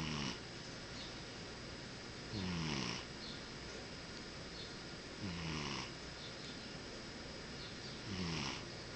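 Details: Cat snoring while half asleep: soft, regular snores on each breath, roughly four breaths in nine seconds, over steady room hiss.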